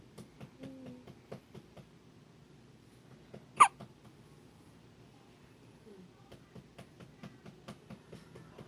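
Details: Nonstop hiccups: one loud, abrupt hiccup stands out amid faint repeated clicks in a quiet room.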